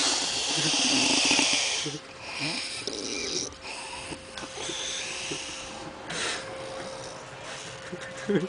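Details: Woman (aunt) snoring loudly during an afternoon or evening nap, with suppressed laughter from the person recording.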